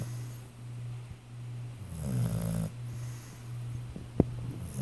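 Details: Sleeping pit bull dog snoring: steady low droning snore with one louder rattling breath and a brief snort.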